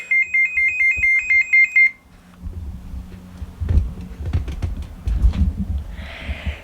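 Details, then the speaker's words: Crib oxygen monitor with sensors under the mattress of a 1-month-old baby going off at home: rapid high-pitched beeping for about two seconds, then quiet room noise. "So that is an oxygen monitoring machine. I was introduced to it at the maternity hospital."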